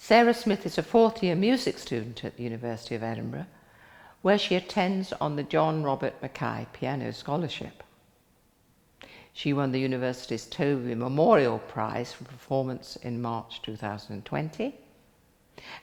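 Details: Adult male speaker; Normal speech.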